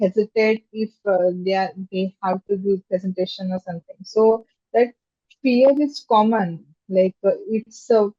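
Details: Stammering in an adult woman who stammers, a software engineer, with stammering since childhood.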